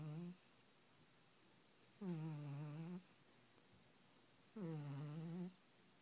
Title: My cat snoring